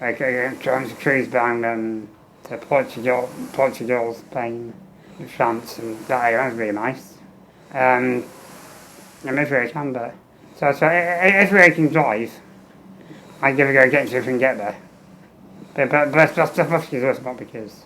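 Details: Adult man with muscular dystrophy and low lung capacity, tracheostomy for 15 years, on a ventilator; speech always slightly harder from muscle condition, tracheostomy makes it harder; air leaks around trachea; ventilator-timed phrasing with tracheostomy.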